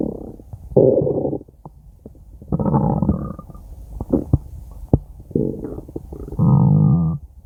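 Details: Stomach growling (borborygmi): loud gurgling, rumbling bursts from the belly with quiet gaps between them, ordinary normal bowel sounds.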